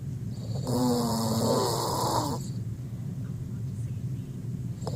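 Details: An adult sleeper gives a single loud, rattling, tonal snore of about two seconds over a steady low background rumble, then quiet breathing; snoring.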